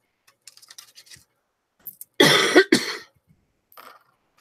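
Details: Dry cough from an adult on the first day of feeling better after an illness who still has a runny nose and thinks the cough comes from the nose running so much.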